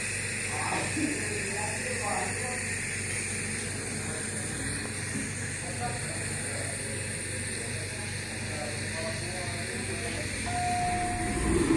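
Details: Nebulizer given to a child for a cough, the child told to breathe in through the nose: steady hiss and motor hum of the running nebulizer, with faint voices behind.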